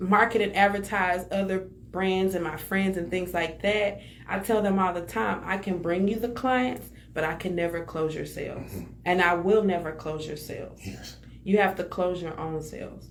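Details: Adult speaker; ordinary speech.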